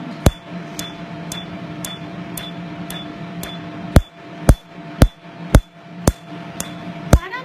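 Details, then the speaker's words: Sharp, crisp snaps at roughly two per second over low room hum during a woman's second laser tattoo removal treatment with an ATV laser on a numbed tattoo; each snap is the laser light hitting the ink pigment. "so what you're hearing that snap is the light hitting that pigment"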